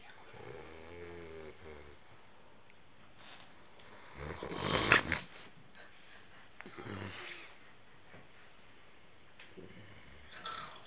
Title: Koumparos is snoring 1